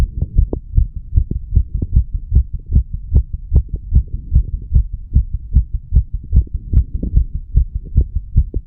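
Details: Heart sounds at the mitral area of a 34-year-old male after smoking a little nicotine and "green stuff": steady, regular low thumps with a faint background hum.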